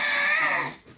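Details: 17-year-old with severe Tourette syndrome whose tics led to frequent emergency room visits, later undergoing brain surgery aimed at relieving tics; vocal tic (screaming).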